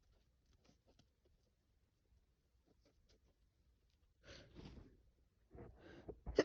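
Quiet sniffles and breaths, then two sneezes near the end in a small room, from someone with a cold.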